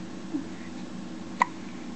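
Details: Infant with hiccups in a dim room: a faint catch, then one short, sharp hiccup against a steady background hum; infant hiccup.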